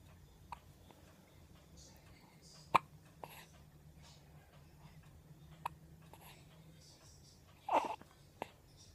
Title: Baby hiccup